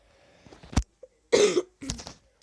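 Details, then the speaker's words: Child playing Minecraft gives a few short, harsh coughs in quick succession in a quiet room, then apologizes for coughing. Cough. "armură scuzați că am tușit am făcut patul num chestul"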